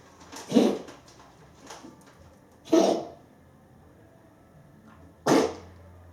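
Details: Dog coughing: three separate harsh, forceful bursts a couple of seconds apart in a quiet room.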